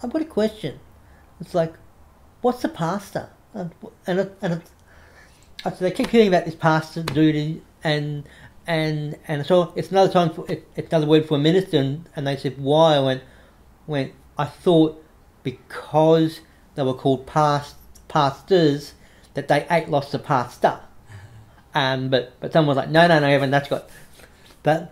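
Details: Adult man with cerebral palsy after severe meningitis in infancy, affecting right arm and leg, who reports a mild stutter he tries to control by calming down; repetitions of words and phrases audible; stuttering.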